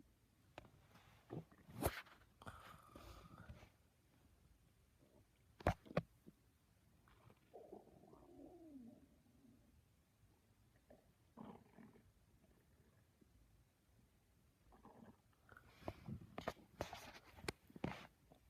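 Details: A person's own stomach growling (borborygmi): a quiet, low gurgling rumble with a rising-falling tone.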